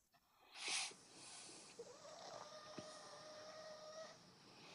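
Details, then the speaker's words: Snoring from a resting pug lying beside its owner: a snorting rasp, then a long high whistling breath. The owner attributes it to the breed's short, flat face. "Okay. Well, just so everybody knows, that's my dog laying beside me snoring cuz he's he's a pug and he doesn't have elongated nose."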